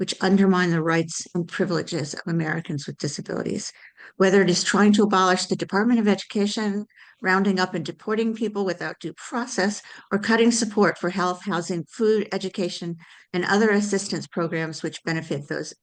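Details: Adult woman speaking; normal speech.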